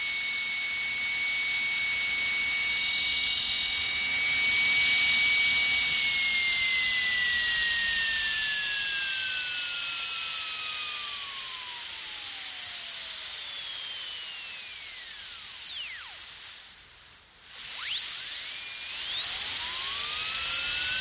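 High, shrill whine of a dentist's drill that slowly drops in pitch, briefly stops, then spins back up.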